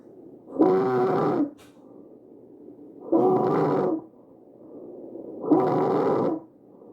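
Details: Visualized tracheal stridor recorded from a real patient.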